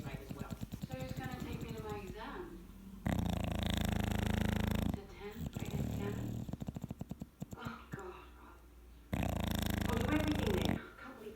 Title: Snoring Dog!